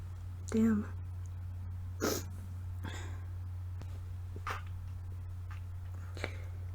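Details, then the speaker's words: Sneezing: a single forceful induced sneeze with a voiced onset, then faint sniffs and breaths, from a person with a cold, sore throat, tickly nose and no congestion. "my nose is really tickly but I can't sneeze so I'm going to go ahead and induce some so here I go"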